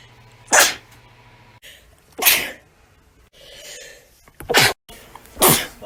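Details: Four separate sharp, hissing sneezes in quick succession, compiled from recordings made between June 2019 and April 2020.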